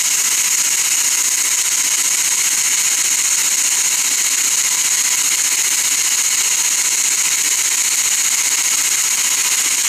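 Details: Continuous loud high-pitched hiss and whine of a dental instrument running steadily during laser-assisted root canal treatment on a lower bicuspid.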